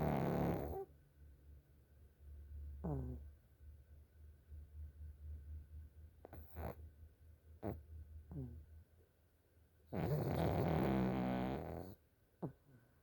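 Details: Sleeping pug snoring very loudly: snorting, rattling breath noises at irregular intervals with one long loud snore; snoring.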